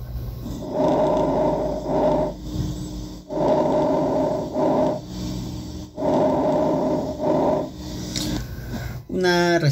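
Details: Simulated normal vesicular breath sounds from an auscultation practice app.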